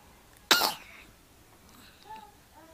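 One sudden, sharp explosive burst fading quickly in a quiet room; a single cough or sneeze-like expulsion.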